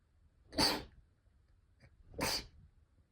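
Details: Two short, sharp, hissing sneezes about one and a half seconds apart in a quiet room.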